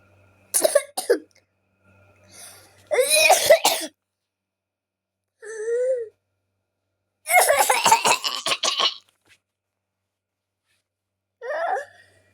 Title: Coughing